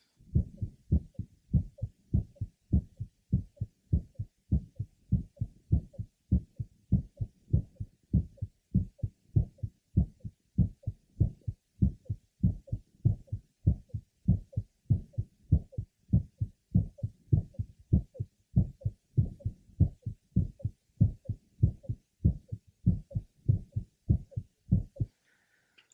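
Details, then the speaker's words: Mitral valve prolapse variant in a 7-year-old girl, best heard along the left sternal border and apex: fast regular heartbeat near 98 a minute with a late apical musical systolic murmur. "let's listen again to our patient with this late apical musical systolic murmur that is best heard along the lural external water and Apex"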